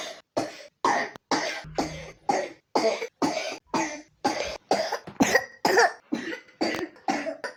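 A young child coughs repeatedly in a rapid run of short, harsh bursts, a cough that goes with pneumonia.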